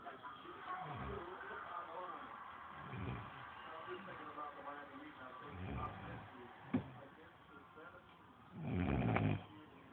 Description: This is what happens when you eat a heavy lunch, snore session when u get home. Dad mom and boyfriend all knocked out.